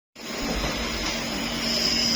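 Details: Nebulizer compressor running as a child is coached to inhale the steam for cough, cold and chest tightness: a steady hissing motor drone.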